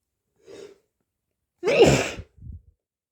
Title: hayfever sneezes 🤧